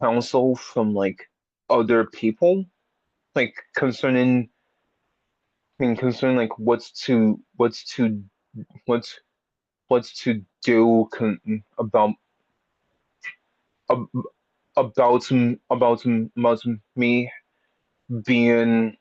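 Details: Stuttering in an audience member who has had speech therapy for a speech impediment; repetitions and revisions heard.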